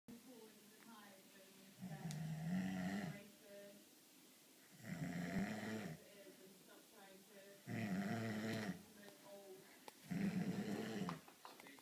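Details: A man snoring: loud, rumbling snores on each in-breath, about 20 a minute, with quiet pauses between; ordinary snoring.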